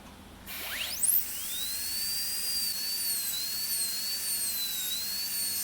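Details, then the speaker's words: High-speed dental drill with football-shaped burr spinning up, then a steady wavering whine during occlusal reduction starting buccally, on a typodont model for stainless steel crown preparation. "So here I am going to use the football shaped burr for doing the occlusal reduction. Let us start with the buccal aspect first."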